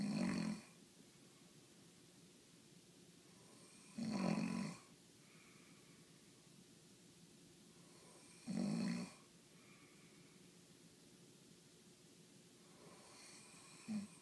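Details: Person snoring with regular rough snores about every four seconds, roughly 14 a minute, over quiet room hiss; ordinary snoring.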